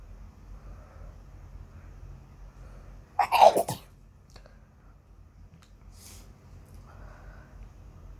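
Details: Single forceful sneeze after quiet breathing, followed by soft breaths and sniffs; the person had been wanting to sneeze badly.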